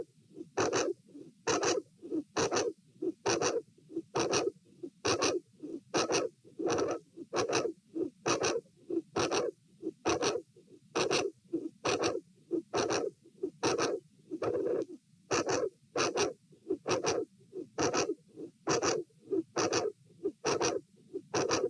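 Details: Heart sounds at the aortic area (position A), recorded with the patient sitting, in a case with a dilated aortic root: about 67 beats a minute with an irregular rhythm, premature atrial and ventricular beats, and occasional pauses.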